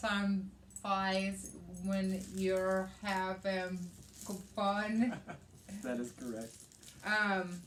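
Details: Adult woman with aphasia, also affecting reading and writing, after a hemorrhagic stroke on May 19th 2020 with right-sided hemiparesis, brain surgery and an ICU stay; aphasia.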